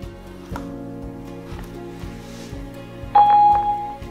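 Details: Saver One A1 automated external defibrillator switching on: background music, then a sudden clear electronic start-up tone before Slovak voice prompts.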